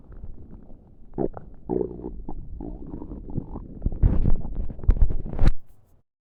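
Low gurgling and rumbling from the abdomen, ordinary bowel sounds of gas and fluid moving through the gut.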